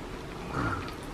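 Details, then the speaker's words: An elderly grandmother falls asleep while being given milk and gives a single low, rumbling, snort-like snore over faint room noise. Snoring. "Neneknya minum susu malah ngorok-ngorok"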